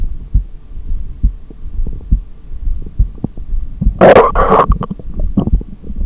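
Regular soft low thumps about 55 a minute, then a brief loud rustle: heartbeat during a breath-hold.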